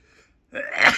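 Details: Deliberately induced, forceful sneeze: a quiet pause, then a sudden loud burst of air through nose and mouth.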